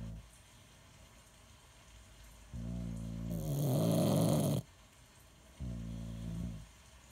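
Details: Snoring contest between a father and another sleeper: low buzzing snores alternating with a louder, rougher rattling snore in a quiet room.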